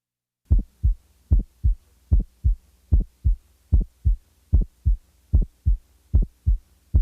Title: 06 Widely Split First Sound Heart Sounds Collection